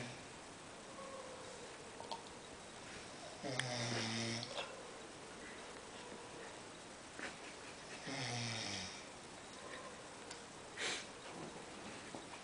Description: the snore machine at work :)